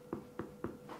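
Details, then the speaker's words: Self-percussion over one's own stomach in a practice demonstration: three quick, evenly spaced taps with a hollow, ringing, drum-like tone and a fainter fourth tap, a hyperresonant percussion note. "it's a different sound isn't it compared to this or compared to this hyperresonant dull resonant"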